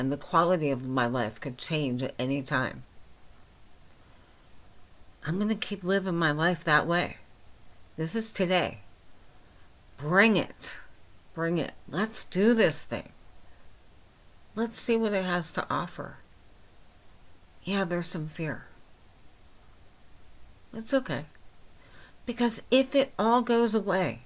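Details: Adult woman with myasthenia gravis since age 8, with talking and swallowing problems, speaking without her speech appliance; myasthenic dysarthria, understandable but not perfectly.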